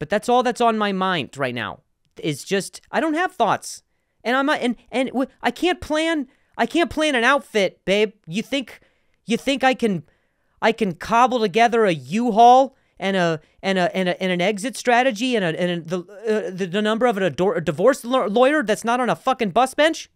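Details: Stuttering in an adult male comedian who has stuttered for a long time and still sometimes does; repeated words and phrases heard.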